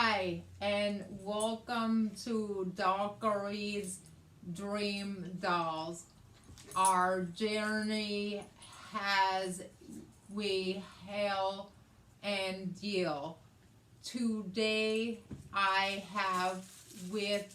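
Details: Adult woman with aphasia after a hemorrhagic stroke in May 2020, treated with brain surgery and ICU care; she also has right-side hemiparesis and reading and writing difficulties; aphasia.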